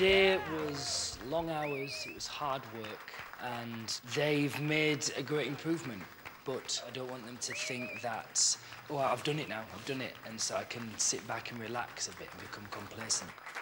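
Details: Adult man speaking; no speech disorder.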